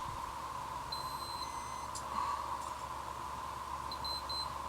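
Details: Feeding tube pump alarm in the home of a person with POTS: high-pitched electronic beeps over a steady room hum.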